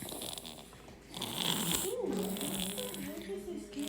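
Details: Loud, rough snoring with rattling, buzzy breaths in a noisy room; snoring.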